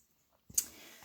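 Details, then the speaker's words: Simulated clicking tinnitus: after a brief silence, a single sharp click imitating a 39-year-old woman's left-sided clicking tinnitus, with left hearing loss of 45 dB; ENT suspected Ménière's disease. "Bilan auditif, perte auditive à gauche, puisque mon acouphène, en fait, le clic que vous avez entendu, il se trouve à gauche."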